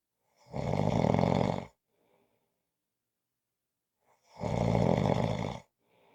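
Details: Snoring: two loud, coarse snores on breathing in, about four seconds apart, with silence between them.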